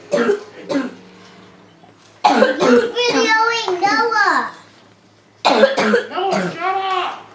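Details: A child coughs uncontrollably in repeated clusters of sharp bursts, with voiced, whining sounds between the fits; persistent cough.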